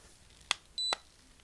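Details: Simulated role-play health check after a viral infection: a non-contact thermometer held against the forehead gives a soft click, then a short high electronic beep; it reads 36.4 °C.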